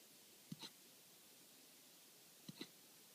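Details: Infant hiccups: two short, sharp hiccup sounds about two seconds apart, each a quick catch followed by a soft click, in a quiet room.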